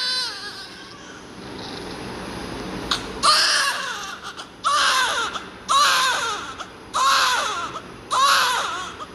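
Loud, strong newborn cry in repeated bursts with short pauses between, clear and vigorous; a healthy newborn's cry.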